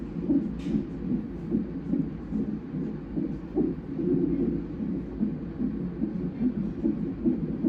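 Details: Doppler fetal heartbeat at 37 weeks of a twin pregnancy during a non-stress test: rapid, regular whooshing galloping pulses, about 146 beats a minute. The mother reports much fetal movement, a tight belt and possible contractions.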